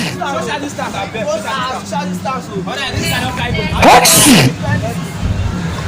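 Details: Loud, sharp sneeze bursting out over people talking and background music, presented as a COVID-19 symptom.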